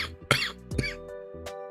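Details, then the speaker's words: Adult streamer, sick and under the weather after a trip, coughing on stream: a couple of rough cough bursts over steady background music; cough. "give me give me one second let me cough again but this time I won't mute myself so you can hear me like [ __ ] actually die"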